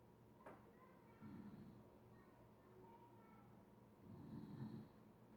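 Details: Snoring: low, rumbling, rattling breaths recurring with each breath in a quiet room.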